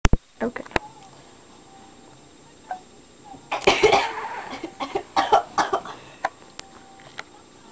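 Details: Deliberately self-induced sneezing: a sudden, forceful, hissing burst followed by a few shorter explosive sneezes.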